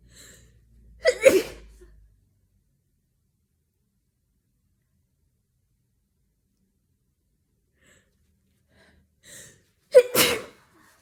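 Two sneezes, each with a quick indrawn gasp before a sharp burst, separated by silence; sneezing with a cold.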